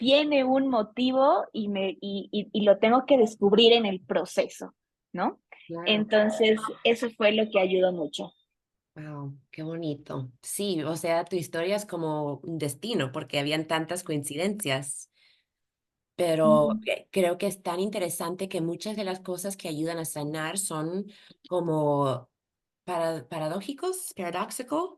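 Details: Adult female speech therapist who has stuttered since age 4, speaking Spanish; stuttering.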